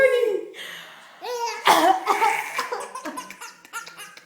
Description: Our Son found mummy's coughing very entertaining!!